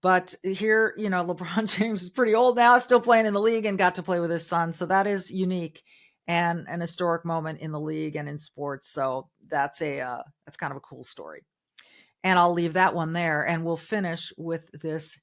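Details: Adult woman speaking; normal speech.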